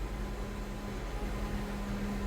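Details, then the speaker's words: Stockert S3 heart-lung machine roller pumps rotating after the console is switched on, along with the suction and vent rollers: a steady low mechanical hum with a faint tone. "Now when you turn this console on you can see the pump is rotating."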